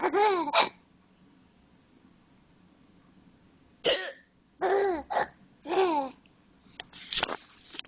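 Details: Adult mother hiccuping while her baby son sits on top of her and finds it hilarious; several short, abrupt voiced gulps with pauses between them, light room noise; hiccups.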